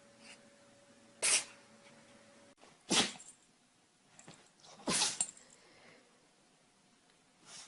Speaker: Charlie, sneeze. Good job, Charlie. Sneeze.